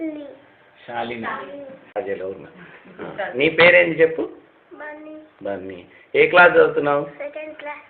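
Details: Stammering in a child speaking Telugu, who has trouble with words, especially the first word, while naming friends for a clinician.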